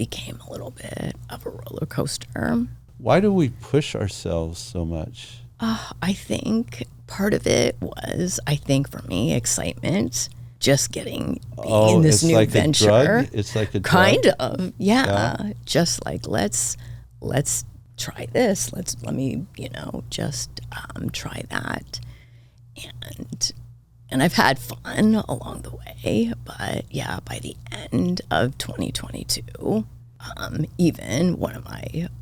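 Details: Adult woman diagnosed this year with spasmodic dysphonia, in which vocal cord spasms make the voice cut in and out; she attributes it partly to voice overuse as a podcast host and partly to stress, and says it seems to be happening now.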